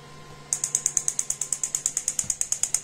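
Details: Quiet room, then a rapid, regular train of sharp high clicks at about nine per second as an EMTT extracorporeal magnetic therapy device pulses, during energy testing.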